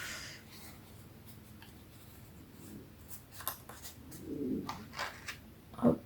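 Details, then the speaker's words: Stomach growling around 10 a.m., well before lunch, during a paper-crafting tutorial; soft, low, cooing gurgles with paper and crafting clicks in a quiet room: borborygmi. "je sais pas si vous entendez, mais j'ai eu le ventre qui gargouille. Et je peux vous dire que il n'est pas du tout midi à l'heure où je tourne cette vidéo."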